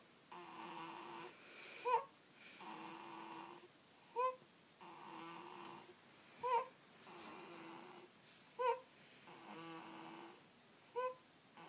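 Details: Leo snoring, described as quiet: regular snoring at about 13 breaths a minute, soft drawn-out inhaled snore ending in a short squeaky snort each cycle.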